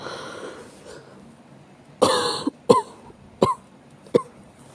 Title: 悪寒と咳 chills and cough